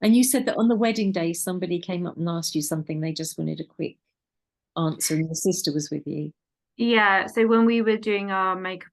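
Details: Adult women in conversation; ordinary speech.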